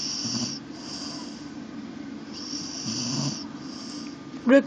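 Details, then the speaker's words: Soft, rough, loud snoring breaths rising and falling in a noisy room, from an English Bull Terrier napping in a laundry basket, ending with a brief human voice; dog snoring. "You're snoring in my laundry basket."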